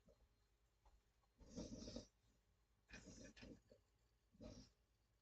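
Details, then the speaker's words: Dog snoring while asleep in a quiet room: soft, rough, rhythmic snorts, about three in five seconds. "You guys hear my dog snoring? Can you hear?"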